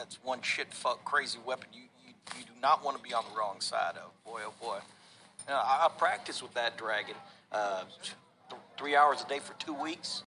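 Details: Acted stuttering: an actor portraying a stuttering film character.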